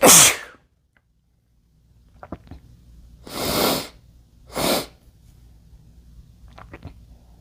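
Three sneezes: a sharp explosive one, then two breathy hissing bursts after a short pause, with faint rustling between.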